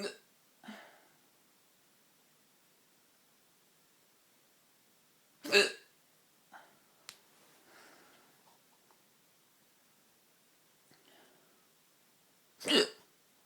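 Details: Late-night hiccups: sudden sharp gulping sounds at irregular intervals, about five over thirteen seconds, with quiet between; ordinary hiccups.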